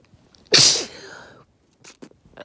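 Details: Single loud, sharp uncovered sneeze in a quiet room after dusting and moving furniture, followed by a fading breath; ordinary sneeze.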